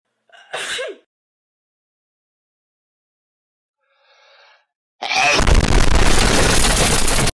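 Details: Single sneeze at 3 a.m.: one sharp sneeze with a quick inward gasp, then silence before loud music starts.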